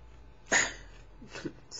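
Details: Adult woman with Tourette's syndrome, recently switched from haloperidol (Haldol) to thioridazine; a medication reduced phonic but increased motor tics; throat-clearing or sneeze-like vocalization interrupting speech, followed by 'sorry'; vocal tic.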